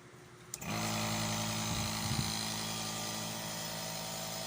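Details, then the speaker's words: Nursing student return demonstration of nebulization therapy with medication: a click, then the air compressor starts with a steady buzzing hum and airy hiss as the nebulizer runs. "fill the nebulizer cup with the ordered amount of medication yes turn on the air compressor"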